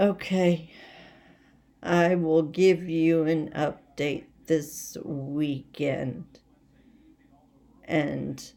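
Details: Adult woman with essential tremor, badly out of control and rapidly progressive, affecting mainly her head and voice, with word-finding difficulty and leg and hand weakness; awaiting movement disorder specialist visits; voice tremor (essential tremor).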